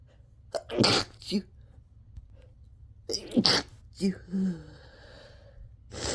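Two forceful sneezes, each with a sharp intake of breath before the burst, followed by snorting and breathing between them; a bout of repeated sneezing.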